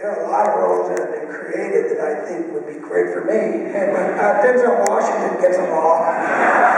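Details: Adult male with one vocal cord bowed and one paralyzed after a childhood clothesline injury to the neck, present ever since; vocal cord paralysis with breathy, rough voice.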